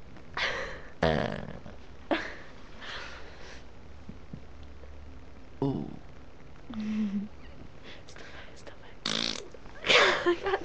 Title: burping and farting session